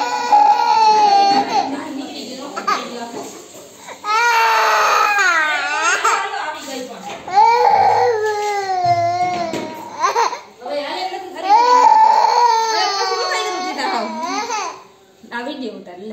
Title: baby crying fake / fake crying baby / baby fake cry / fake cry / baby cry / baby cry fake #cutebaby